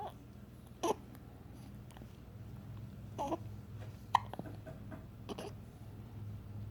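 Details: Hiccups: quiet, brief hiccup sounds, about four in seven seconds, with soft baby-like vocal sounds and low room hum.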